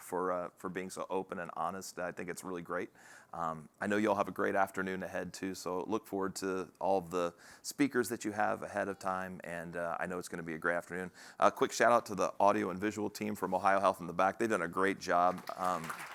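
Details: Adult man speaking; Normal speech.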